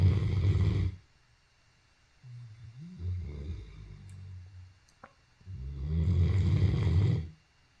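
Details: Great Dane, tagged as a tired puppy, snoring: deep, rumbling, fluttering snores on each breath, with quieter low groaning between them, heavy sleep snoring.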